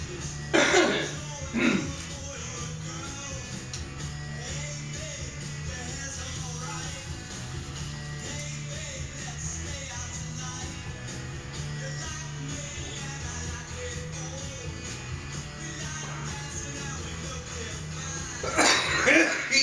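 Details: A few harsh, dry adult cough bursts at the start and end over steady background music, from someone at home who is on a 10-day smoothie cleanse.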